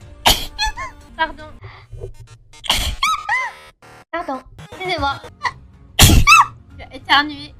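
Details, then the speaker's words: Three loud explosive sneezes from a streamer, each followed by short vocal sounds, with background music and apologies in French. "j'ai éternué vous avez entendu pardon excuse-moi pardon"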